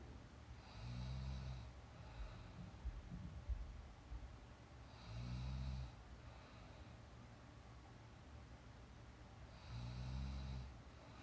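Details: Young woman asleep during a nap, real recorded snoring: three low, rumbling snores on the in-breath about every 4.5 seconds, roughly 13 breaths a minute, over a steady hiss.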